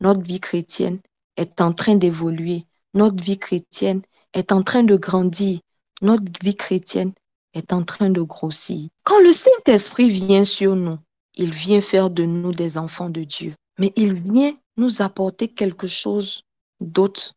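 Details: Adult speaker, sermon; no voice disorder.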